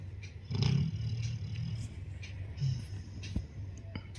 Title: 14 YEAR OLD BLACK BEAUTIFUL LABRADOR SNORING WHILE SLEEPING #LAB#OLD # BEAUTIFUL